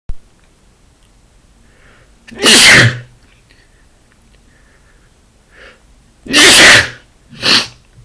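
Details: Short sneezing fit with a cold, runny nose and itchy eyes: three loud explosive sneezes, two full and one shorter, each preceded by a brief inhalation.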